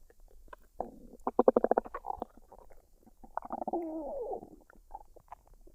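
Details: Adult woman's stomach after a meal of fried rice and duck: a quick run of bubbly pops, then a long squeaky rumble; normal digestion, bowel sounds (borborygmi).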